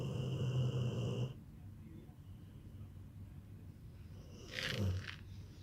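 A low, rattling snore with a snorting breath later, separated by quiet breathing.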